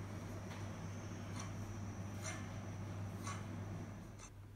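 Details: A 9-year-old, 5.5 kg female miniature poodle later diagnosed with congestive heart failure, during an episode of breathing difficulty: quick, short, faint breaths at about 65 a minute over a low hum, laboured breathing.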